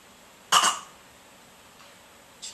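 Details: Single short, sharp voluntary cough from a young girl who has learned to cough on cue when asked "are you okay"; quiet room.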